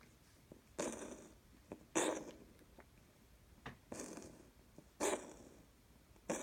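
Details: Repeated short, hacking exhalations with soft breaths between in a quiet room; a cat's cough, recorded June 2018.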